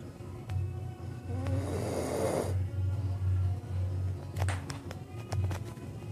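Low, rumbling, rattling breaths repeat unevenly, with music playing in the background: snoring.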